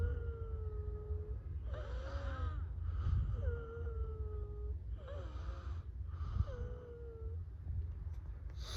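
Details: Pneumatic wheezing sound: sustained high-pitched whistling tones alternating with short hissy air bursts over a low background rumble.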